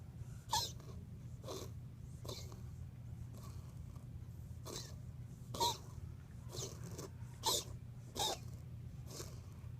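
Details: Dog named Shadow wheezing: rapid, harsh breathing bursts with faint whistling.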